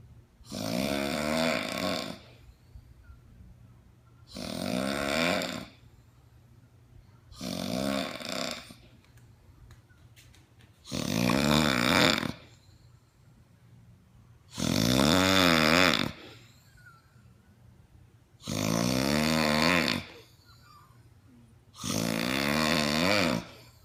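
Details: Loud snoring from obstructive sleep apnea: loud, harsh snores on each breath in, about 16 per minute.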